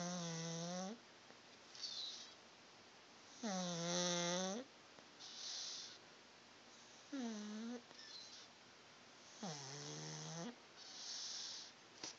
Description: Our Pug Dexter, sleeping, snoring and twitching / dreaming.